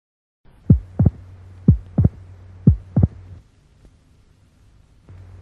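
Slowed heart sounds, about 60 a minute, in paired low thumps over a faint hum, with a sharp extra early diastolic click: a mitral opening snap.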